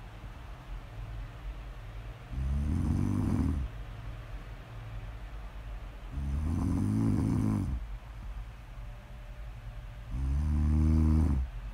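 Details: Three deep, rattling snores about four seconds apart, roughly 15 a minute, with quiet breathing between; steady snoring, recorded as snore audio ASMR.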